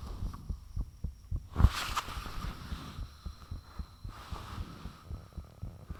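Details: Self-recorded heartbeat with fan off, taken shortly after the heart began feeling unusually thumpy: fast, forceful regular low thumps about 130 a minute with a brief whooshing rush partway; valve and blood-rushing sounds reportedly audible.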